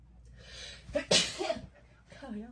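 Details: Sneeze induced by a Covid-19 nasal swab test: a single sharp sneeze with a brief intake before it, followed by faint voices.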